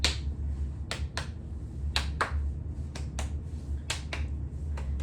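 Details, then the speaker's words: Paired sharp finger taps over the intercostal spaces during a head-to-toe nurse practitioner exam give a hollow resonant percussion note, reported resonant throughout the lungs and over the diaphragm, a normal finding. "Next I'm going to um percuss over the intercostal spaces."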